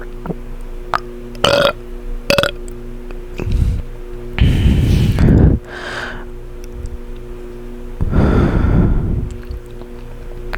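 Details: Close-up burping right into the microphone after drinking foamy soda: two long, loud, rumbling burps with gulping, swallowing and heavy breathing over soft background music; burping.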